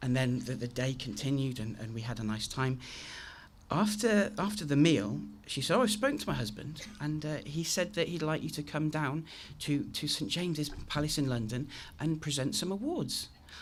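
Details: Adult male with a very chronic stammer since age three, managed with the McGuire programme (costal breathing technique); stuttering with repetitions such as "I I I".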